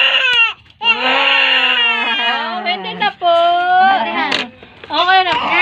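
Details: Baby crying: loud, sustained, high-pitched wailing in long bursts with brief gasping pauses; vigorous infant crying.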